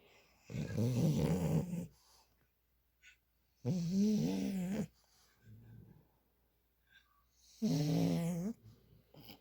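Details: Female French bulldog snoring loudly with rough, rattling snores on each breath, about three in ten seconds, with quieter breaths between; snoring.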